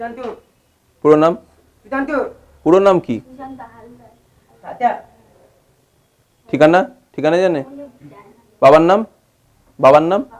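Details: 27-year-old man from a rural area whose speech and hearing deteriorated after measles at age 8 and anti-tuberculosis injections; not totally deaf, speaking names when prompted by his mother, improved from only his own name; dysarthria.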